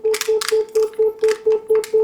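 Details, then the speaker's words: Steady high tone switching on and off about four times a second, with sizzling bursts, as an ultrasonic harmonic scalpel in open-jaw mode cuts vaginal tissue during colpotomy in surgery, with no smoke produced. "see here it is cutting the vagina and no smoke you can see no smoke and it is cutting"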